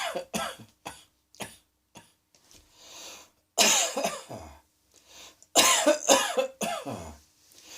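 Short coughs followed by loud, harsh cough bursts, about a dozen in all; repeated coughing.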